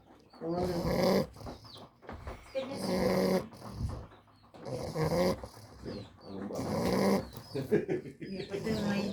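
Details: Sleeping English Bulldog: loud rattling, throaty snores, about 30 per minute, recurring with each breath in and out.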